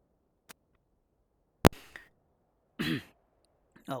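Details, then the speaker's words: A sharp, forceful, heavy cough burst with a throaty exhale and a short rough sound from a streamer playing a video game, who then says it was like coughing up a lung and that he needs water. "I hope you guys didn't hear that. That was like me coughing up a lung. I need to get some water."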